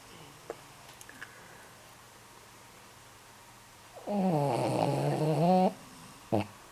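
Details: 14-year-old male Shih Tzu in deep sleep; a single loud, rattling, tonal snore on one breath in a quiet room, with a few soft noises around it: snoring.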